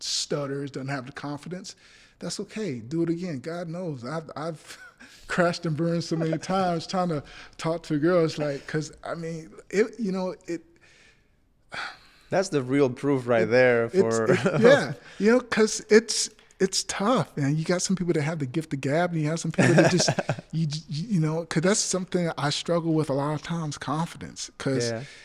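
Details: Adult male actor with stuttering since childhood that still persists, including on the phone and in person; stuttering.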